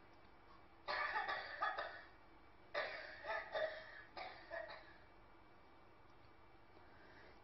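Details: Dry cough.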